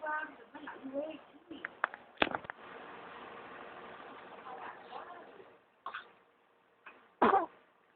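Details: A dog named Kaylie gives a short, sharp, explosive sneeze among soft voices in a small room.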